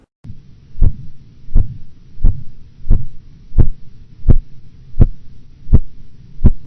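Regular tapping beats at about 85 a minute, each followed by a soft swishing murmur: phase 2 Korotkoff sounds during cuff deflation.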